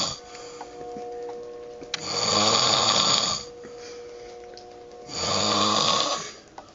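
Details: Man snoring heavily: two loud, rasping snores about three seconds apart, each lasting over a second, with quiet breathing between and faint steady tones in the background.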